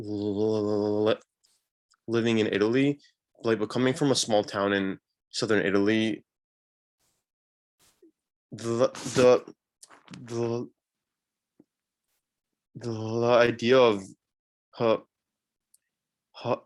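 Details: Real stuttering (stammering) in a young man from India, who describes his own stuttering on a panel of young people who stutter.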